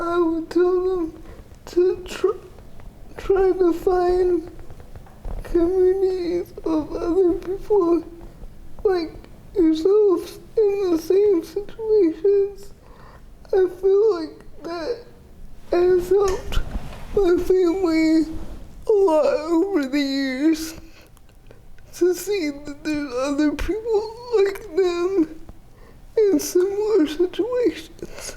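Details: 30-year-old woman with GMFCS Level 4 cerebral palsy, quadriplegia with an athetoid component affecting arms, legs and trunk, uses a power wheelchair, repeated eye and hip surgeries; dysarthria (athetoid cerebral palsy).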